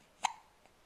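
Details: Hiccup from an 11-week-old baby while pooping: one sharp, brief hiccup in a quiet room.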